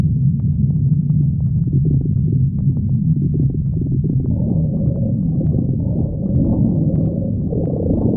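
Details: Stomach growling (borborygmi): a continuous low gurgling rumble with shifting tones.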